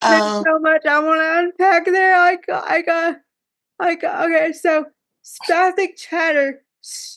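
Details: Speech difficulty in a woman with cerebral palsy who says talking is hard for her.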